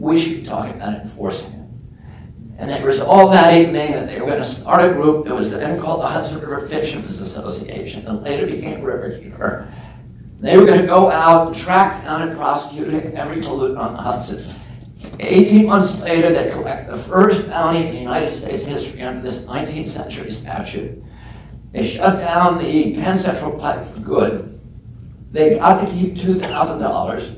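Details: Adult man with spasmodic dysphonia, which he calls spasmodic dystonia, that makes his voice tremble. Onset at age 42 after a previously strong voice. He says it lessens or goes away after speaking a while and is not painful. Real speech.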